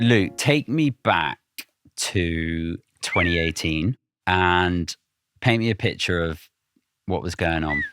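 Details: Adult male host; normal speech.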